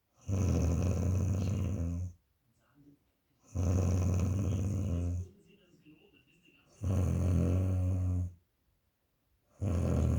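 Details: Adult woman snoring very loudly while asleep: loud, deep, rumbling snores on each breath in, about 18 per minute, with quiet pauses between them; heavy snoring.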